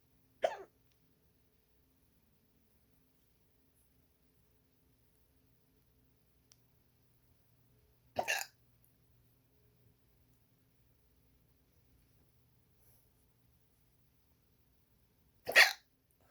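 Three abrupt, brief hiccups spaced roughly seven to eight seconds apart in a quiet room; recurring hiccups.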